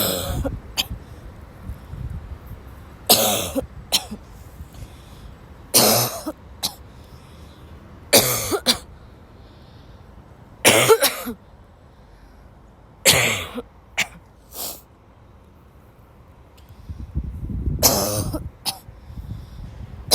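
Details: Repeated harsh, dry coughs in close pairs and bursts, about eight bouts in twenty seconds with gasping breaths between them; a dry coughing fit in a girl who woke up sick, severe enough to leave class.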